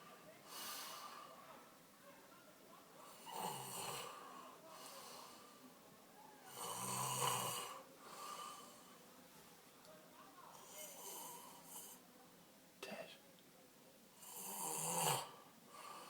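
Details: Loud rattling snoring roughly every four seconds with quieter breaths between, recorded in a small room; ordinary snoring.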